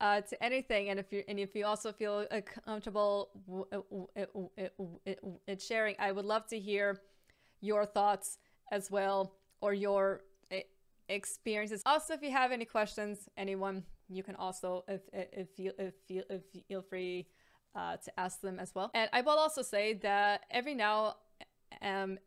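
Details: Adult woman with a stammer, audible word repetition; stuttering (stammer).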